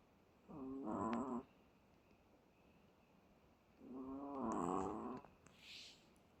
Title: Chihuahua Bono in deep sleep. Snores over and over. So cute. ♥️#chihuahua